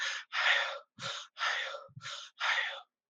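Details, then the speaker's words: Mouth imitation of a bronchial (tubular) breath sound: loud, hollow blowing heard on both inspiration and expiration, made by shaping the mouth as if saying vowels, replacing normal vesicular murmur. "El soplo tubárico no es nada más que un soplo que se escucha en inspiración y expiración, ¿no? Y se lo puede imitar poniendo la boca de manera sucesiva como si estuviera pronunciando las vocales a ello."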